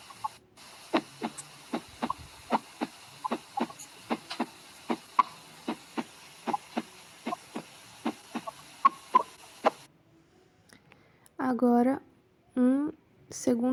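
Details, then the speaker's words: Normal cardiac auscultation: steady paired first and second heart sounds, 'lub-dub', at about 75 beats a minute, in a regular rhythm. "Então, o primeiro som é uma oscuta cardíaca normal."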